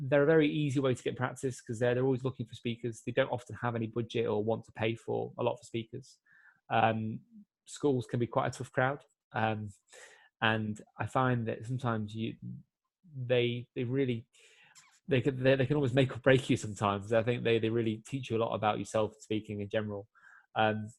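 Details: 24-year-old man who has stammered since he began speaking; more controlled since a breathing-technique course but still has complete blocks; stuttering.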